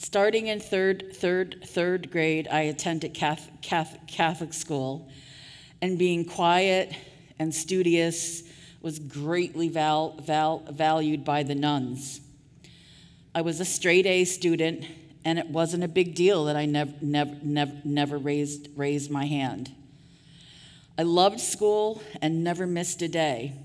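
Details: Adult woman who stutters, giving a conference keynote speech; audible part-word and word repetitions; stuttering.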